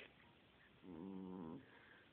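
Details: Sleeping cat snoring: a single low, buzzing, voiced snore of under a second, over quiet room noise.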